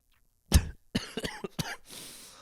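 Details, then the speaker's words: Adult podcast host who says he is sick coughs several times in quick succession, a wet-sounding burst of about four to five coughs. "I'm sick I've been sick the whole episode do this episode suck it might it probably does and I sound like [ __ ] and I'm coughing that's not the point"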